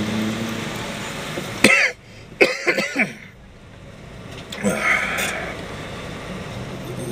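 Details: Two or three short, harsh coughs outdoors with traffic noise behind; a lingering cough while getting over an illness, set off again by dry air-conditioned air inside a store.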